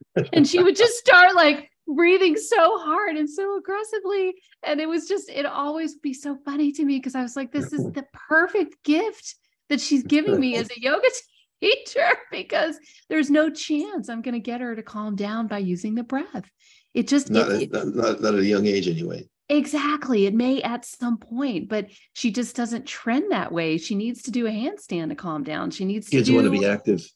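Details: Adult woman speaking, brief second voice; ordinary conversational speech.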